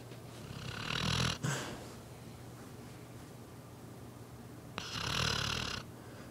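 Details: Sleeping female dog: two harsh, rasping snoring breaths with a quiet pause between them; snoring.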